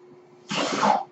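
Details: Speaker's own home mechanical ventilator, audible while he talks; one home mechanical ventilator breath cycle.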